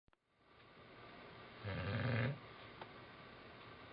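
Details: Old English Bulldog snoring.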